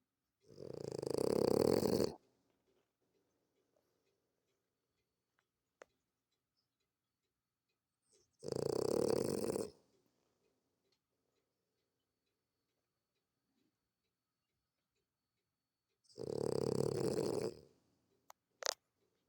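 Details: Person in heavy sleep snoring: three loud, rough snoring breaths spaced well apart, with quiet pauses between them.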